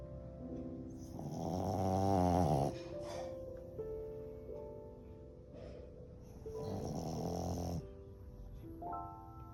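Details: Pug dog snoring.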